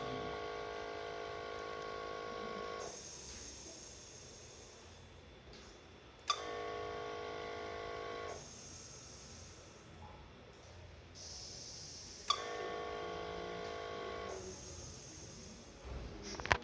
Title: Mechanical ventilator